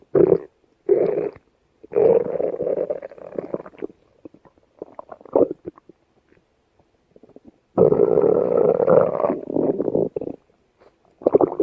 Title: Stomach Growl